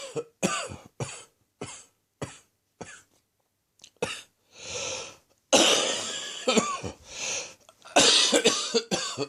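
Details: Late-morning coughing fit from a slowly resolving chest infection: an adult coughs in two runs of about a dozen harsh bursts, with audible indrawn breaths between them.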